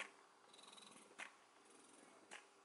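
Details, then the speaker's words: Spectra S2 electric breast pump hooked up but not suctioned to the breast, turned to its highest setting as at the end of a pumping session: quiet, steady motor hum with soft suction whooshes about once a second. "but by the end of my pump session I have it cranked all the way up and this is what it sounds"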